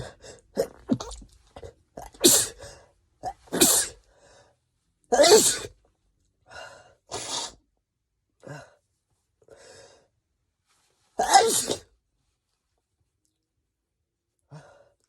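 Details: Run of sharp sneezes, some stifled and muffled, some full, wet and desperate, with quick in-breaths between; ordinary sneezing.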